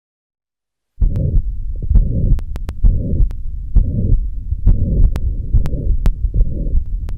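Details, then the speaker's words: Mitral stenosis heard with the stethoscope bell, patient turned to the left lateral position: presystolic accentuation and a low-pitched rumbling mid-diastolic murmur. "the most unmistakable component in the diagnosis of mitral stenosis is the mid diastolic murmur which is her with the bill of the status quo the patient turn to the left lateral position"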